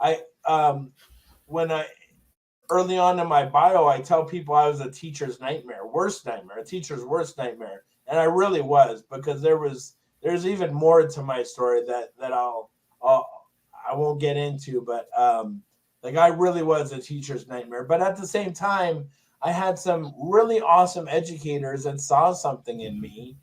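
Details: Palilalia with stuttering (repeated phrases) in an adult male with Tourette syndrome; significant stutter since a brain injury in 2000.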